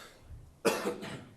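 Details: Cough from an interpreter who suffers a coughing fit during a football press conference: a single forceful cough with a short trailing second burst, over faint room noise.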